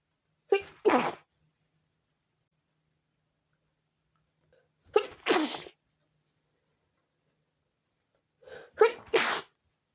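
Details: Sneezing fit at 4 a.m. preventing sleep: three forceful sneezes, each a sharp in-breath then explosive burst, spaced a few seconds apart in a quiet room.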